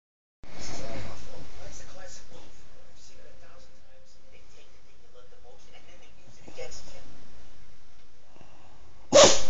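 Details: Sneezing from a cocker spaniel dog: quiet room noise, then one sudden sharp burst at the end, a sneeze.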